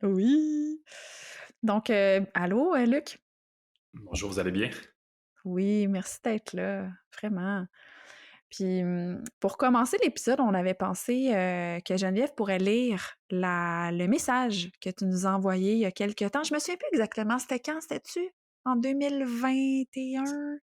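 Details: Adult woman speaking French; no speech disorder.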